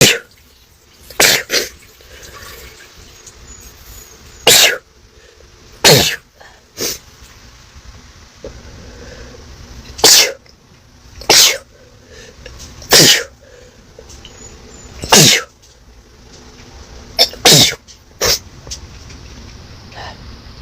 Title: I had an intense sneezing attack. #sneeze